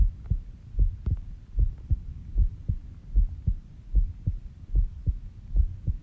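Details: Recorded during sleep at 5:30 am, heart rate about 70 bpm: an ordinary resting heartbeat while sleeping.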